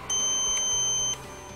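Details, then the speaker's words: Portable oxygen concentrator no-breath alarm: a single high-pitched one-second electronic beep, sounding periodically after 75 seconds without a detected breath, with the red alarm light blinking. "if no breath is detected by the unit you'll hear a periodical beep after 75 seconds and the red alarm light will also blink"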